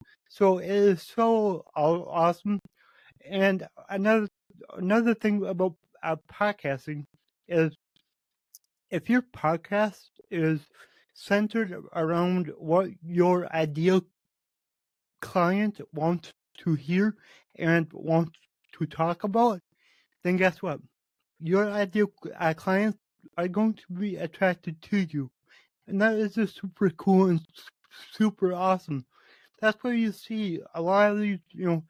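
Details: Man with cerebral palsy, which he says affects every muscle in his body, in his own spontaneous speech; he reports his speech has improved since 8 months earlier as his health improved; dysarthria from cerebral palsy.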